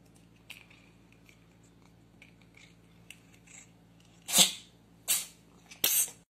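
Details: Cat sneezing: three short, sharp, hissy bursts in quick succession after quiet rustling, a run of small sneezes.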